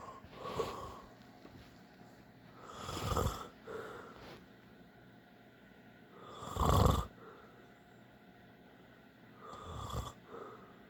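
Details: Adult man (father) snoring in sleep: irregular low rattling snores, four in about eleven seconds, with quiet breathing between.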